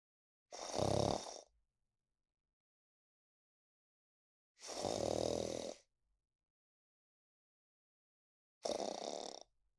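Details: Snoring in a sleeping bulldog: three long, loud, rough snoring breaths spaced several seconds apart in a quiet room.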